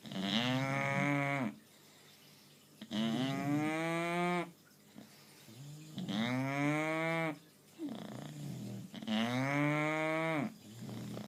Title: Bulldog Sonny Snores like a Cow